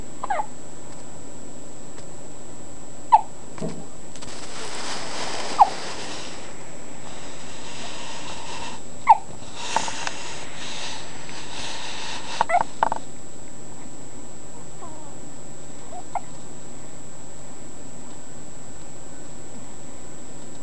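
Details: Baby hiccups: brief, sharp little hiccup sounds at irregular gaps, about five over twenty seconds, against a steady background hiss.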